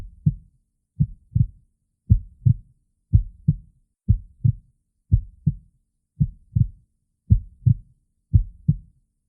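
Steady paired lub-dub heart sounds at about 58 beats a minute, clean and regular; a simple heartbeat used in play.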